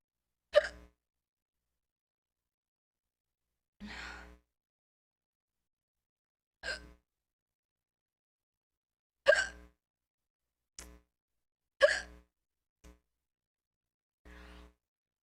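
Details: Eight sharp, voiced hiccups at irregular intervals over about fifteen seconds in a quiet room; repeated hiccups (singultus).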